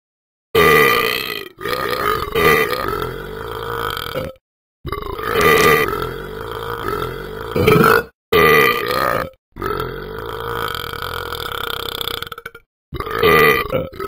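About six loud, long, drawn-out burps in a row, each a deep rumbling tone: repeated belching.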